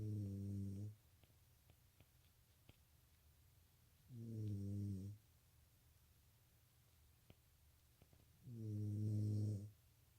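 Three low, rumbling snores, each about a second long, come on the breaths at roughly 14 a minute in a quiet room; ordinary snoring.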